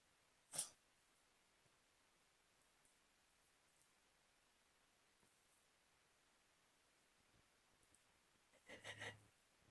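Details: Small animal trying to sneeze: a brief snorting sneeze, then a quiet pause and a short run of sneezy snorts.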